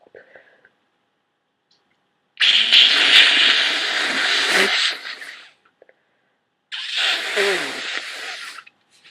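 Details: Long, forceful wet hissing nose blow then a shorter second blow, from a person with a heavy, very wet common cold.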